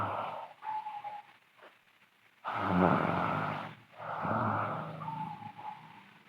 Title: Sleeping Girl Loud Snoring (FGF) Part 6